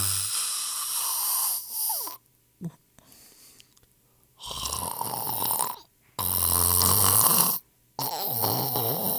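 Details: Snoring, sound-effect compilation: loud, harsh, fluttering snores broken by abrupt silences.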